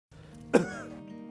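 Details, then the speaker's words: Simulated: one short, harsh adult cough over background music in a tuberculosis awareness advertisement, where the cough has lasted about a month. "क्या? नहीं पापा, चाची, कब से खांसी है इनको? महीने भर से होगी।"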